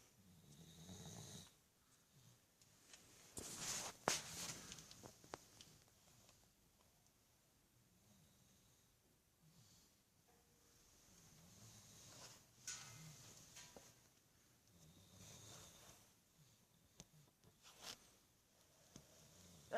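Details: Sleeping after a car ride: soft, irregular snoring breaths with faint snorts in a quiet room; ordinary snoring.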